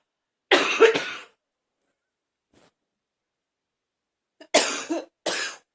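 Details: Ongoing cough: four harsh, explosive coughs in two bouts, a double cough, a pause of about three seconds, then two more coughs.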